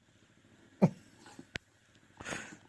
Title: God bless-Funny dog sneezing